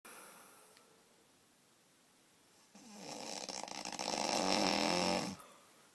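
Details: Super loud snoring: after a quiet stretch, one long, loud, rattling snore on an in-breath, then quiet again.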